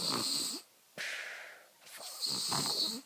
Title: Snoring baby